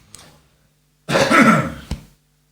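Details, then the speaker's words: Adult man clearing his throat during an interview, "a little froggy in my throat," not a COVID cough: one throat clear with a brief rough cough-like burst. "I'm just gonna have a little cough. It's not a COVID cough."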